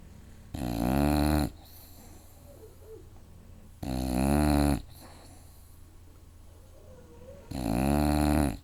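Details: Loud, rattling snores on each in-breath, about 18 a minute, with quiet pauses between, from a sleeping bulldog; snoring.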